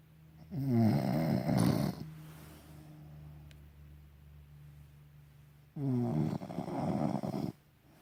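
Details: Real snoring from a sleeping partner: two loud, rough, rattling snores about five seconds apart, each lasting over a second, with quiet breathing between.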